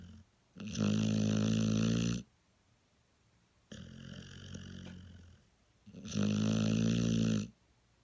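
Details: Loud, rattling, low-pitched snores on breathing in, with quieter breaths out between them; typical snoring.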